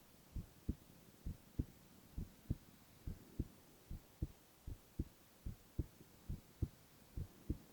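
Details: Boy's heart sounds for ASMR, no talking: steady, regular, clear lub-dub at about 67 beats a minute, with a faint background hum; normal heart sounds.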